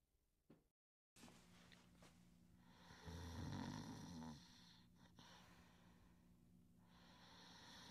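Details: Sleeping individual who sometimes snores softly and otherwise breathes softly and deeply in sleep; one low rattling snore over faint room hum with quiet breathing either side; snoring.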